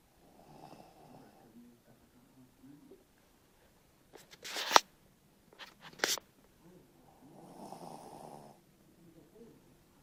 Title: Small Dog Snoring